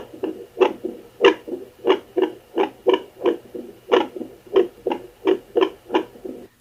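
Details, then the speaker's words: Home Doppler on the abdomen of a non-pregnant woman (no hCG) who reports heart arrhythmias and palpitations: whooshing pulse beats at about 90 a minute with slightly uneven spacing while the Doppler's displayed numbers rise rapidly. "my Doppler started to rapidly incline in the numbers and I thought was very interesting I wanted to throw this piece in here"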